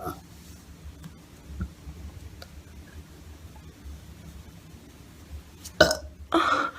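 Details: Burping: two short, loud throaty burps near the end of the clip, in a quiet room.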